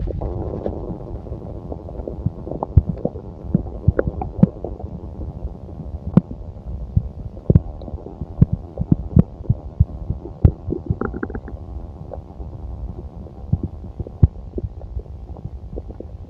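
Low rumbling with frequent short gurgles and pops over the abdomen; ordinary bowel sounds of a full stomach.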